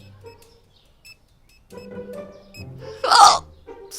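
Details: Violent hiccup attacks from an adult streamer during a live stream while doing an art project.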